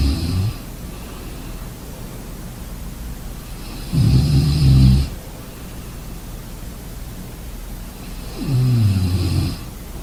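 Deep, rumbling snores about every four to five seconds, roughly 13 breaths a minute, over steady background hiss.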